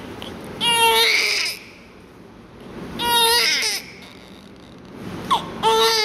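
Strong, repeated high-pitched newborn cries in bursts with pauses between, a vigorous cry during suctioning care.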